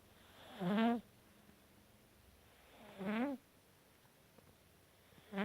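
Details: A sleeping cat snoring: short, squeaky, buzzing snores roughly every two to three seconds, with quiet gaps between.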